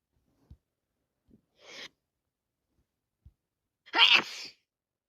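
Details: Adult with a wet head cold: a few small sniffs and a sharp intake of breath, then one forceful sneeze.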